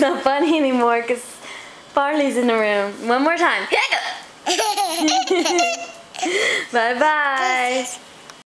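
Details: Deliberately faked hiccups: sharp, abrupt voiced catches breaking into laughing vocal sounds, with music and laughter nearby; simulated hiccups.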